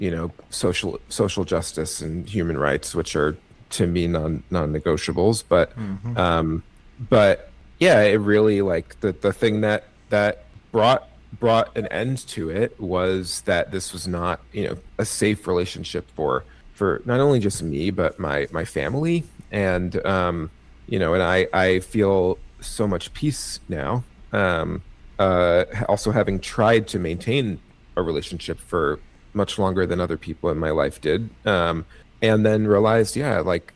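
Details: Stuttering with part-word and word repetitions in an adult man with cerebral palsy, who thinks his stutter is related to his CP.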